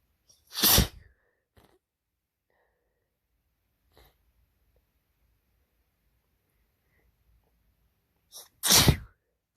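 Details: Male, sneezes in a compilation: two sharp, explosive sneezes separated by quiet breathing.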